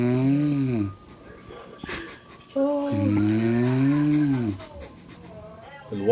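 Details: An adult mother snoring loudly enough that her baby looks shocked; snoring breaths.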